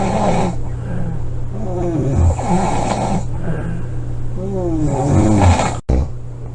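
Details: Person sleeping, recorded July 25, 2017: loud, harsh, rumbling snores one after another with only brief pauses for breath; heavy snoring.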